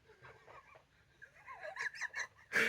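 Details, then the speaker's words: Soft whistling, snuffly breath noises from a sleeping male pet, ending in a louder huffing breath: ordinary snoring. "so did he hear that he's snoring see I told him i r view send him asleep he's"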